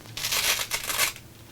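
Brief burst of dry, crinkling crackles imitating lung crackles, made by rustling a blood pressure cuff.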